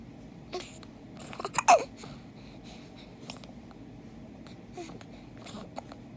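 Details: Infant with hiccups: several short, abrupt hiccup sounds with small vocal catches, spaced irregularly, against quiet room noise; hiccups.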